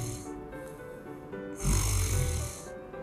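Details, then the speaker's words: Sleep sound recorded with a smartphone snoring app; a single soft, low snoring breath with faint background music: light snoring, described as no problem. "There's no problem, This much snoring But it sounds like this Not just breathing, lt’s like, You can hear the sound of dragging breaths"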